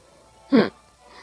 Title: 05/20-2015 sneeze